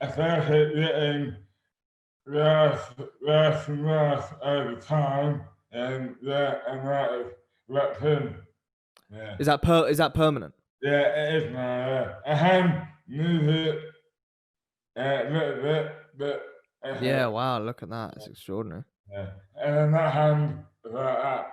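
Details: Adult man with dystonia (oromandibular), slurred speech beginning suddenly overnight in 2008 without warning, speech dramatically impaired, hands also affected; dysarthria (oromandibular dystonia).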